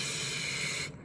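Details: Acted demonstration of a lateral lisp during the straw technique for eliciting /s/, with air blown out the sides of the mouth instead of into the straw; lateral lisp.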